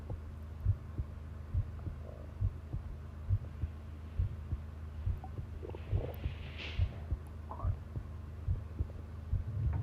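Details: Long-duration heart sound recording: steady, regular low thumps at about 69 beats per minute over a constant hum; normal heart sounds.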